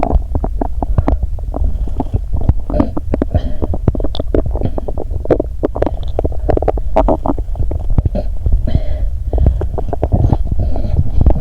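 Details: Belly sounds during a Mentos and 1.5 L cola challenge, recorded before lying down for stethoscope recording, stomach described as at its limit; gurgling bowel sounds.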